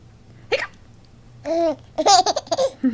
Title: Baby Laughs at Hiccups